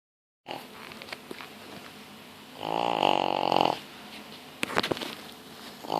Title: Snoring Pug (Deisy)